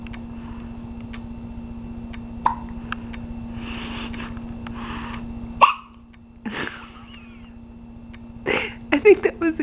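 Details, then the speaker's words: Baby girl who gets hiccups constantly, even in the womb: brief, sharp infant hiccups at irregular intervals with a few soft vocal sounds, against steady room hum. "here's our little hiccup Queen having the hiccups again she gets the hiccups a lot oh poor baby just trying to get rid of this hiccup"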